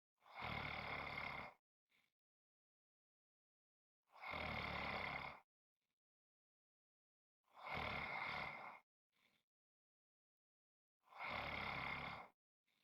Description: This is a 5 1/2 minute clip of snoring.